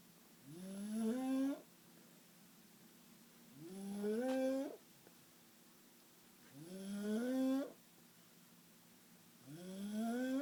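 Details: Snoring: regular rising, whistling-tinged snores about every three seconds, roughly 20 a minute, with quiet gaps between.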